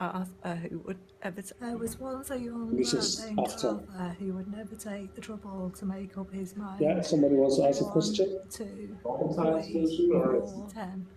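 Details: Adductor spasmodic dysphonia in a woman, recorded before type II thyroplasty, after earlier injection treatment.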